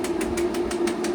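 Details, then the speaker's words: Shockwave therapy device (EquiSculpt VIBE) on a 5-year-old 16.3-hand Thoroughbred ex-racehorse in rehab, applied along the spine, intensity raised to 35: rapid regular clicking pulses, about six a second, over a steady hum. "I'm going to go up a little higher on the shock yeah you could hear that now if it's too intense I can go down"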